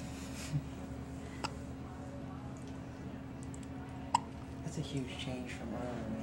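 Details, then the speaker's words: Infant in hospital with hiccups, also spitting up: about four brief, sharp catching sounds at irregular intervals over a steady machine hum in a quiet room. "I don't know why his hiccups are so bad."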